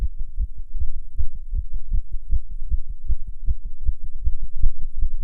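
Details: Heartbeat of a non-smoker while smoking a cigarette: rapid, steady low thumping at roughly 150 beats per minute; tachycardia attributed to nicotine.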